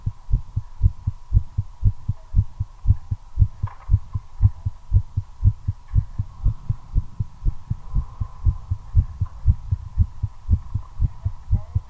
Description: My accelerating heartbeat during a smoke. Effect of nicotine.